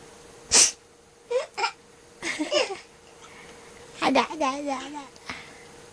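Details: A sharp sneeze burst, then several short explosive sounds, set off a baby's laughter over low room hum: sneezing.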